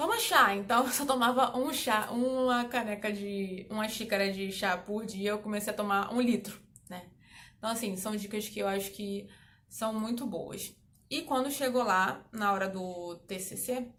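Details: Adult woman who stutters, speaking Portuguese; stuttering.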